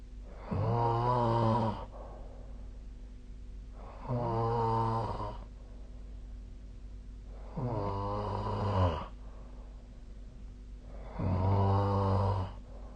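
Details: Nightly sleep snoring recording, with the SnoreLab snoring app referenced: four loud, rattly snores on in-breaths, about 17 a minute, with quiet breathing between and a steady low hum.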